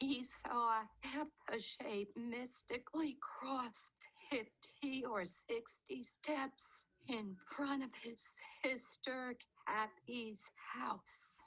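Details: Woman reading a passage aloud, with the rarer abductor type in which her vocal cords stay open; she reports frequent breathiness, and the type makes sounds weak and breathy; abductor spasmodic dysphonia.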